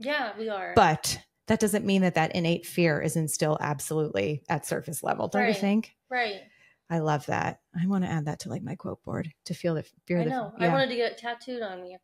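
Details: Adult women in conversation; Normal conversational speech.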